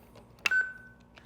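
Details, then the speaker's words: Defibtech Lifeline View AED during monthly inspection, battery reinserted: a click, then a single steady electronic beep as the automatic self-test starts. "when that battery goes in it's going to automatically test that device and make sure it's good to go so we're going to wait for that to happen"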